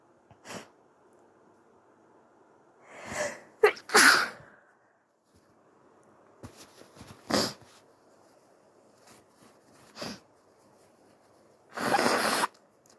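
Soft huffing false starts, several small sneezes, and a final nose-blow-like snort in a quiet room; sneezing.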